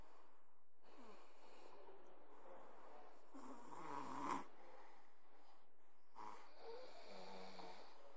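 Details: Snoring: quiet, rough breathing noises in a quiet room, with a louder snort-like snore partway through.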